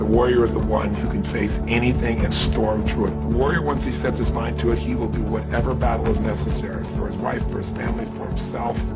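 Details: Adult male speaker; fluent speech.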